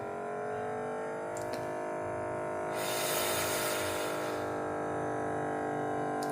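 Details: Adult with hypertension, BP improved from about 160/100 to 125/81, pulse 64; Omron automatic upper-arm monitor, steady pump hum briefly louder midway; blood pressure monitor cuff inflating.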